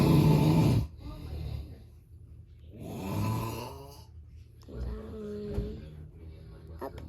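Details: Slow, rough, rattling snoring breaths from a father asleep in the background, with voices and sounds from a video playing in the room.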